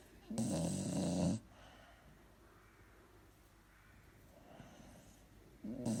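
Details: Elderly Springer Spaniel dog napping on a Sunday afternoon gives a loud rumbling snore lasting about a second, then quiet until the next one: loud snoring in a sleeping dog.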